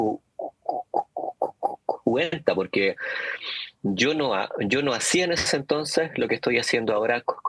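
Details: Stuttering in an adult man, speaking Spanish in an interview.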